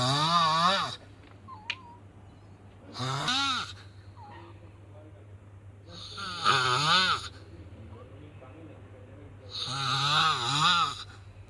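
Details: Bad snoring in sleep: loud, rough snores with a wavering, moaning pitch, four breaths in about eleven seconds; heavy snoring.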